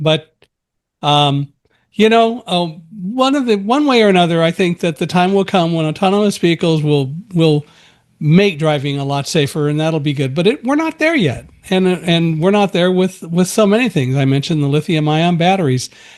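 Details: Adult male speaker; normal conversational speech.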